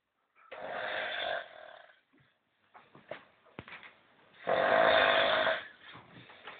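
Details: Insane snoring in a Swedish sleeper: two loud, rough inhaled snores about four seconds apart with quieter breathing between.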